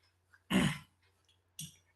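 An adult man gives one harsh throat clear, then a single short cough, with a faint low hum behind.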